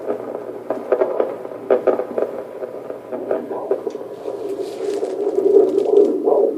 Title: Baby's heartbeat sound